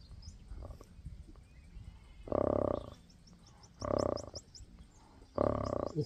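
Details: Dog snoring.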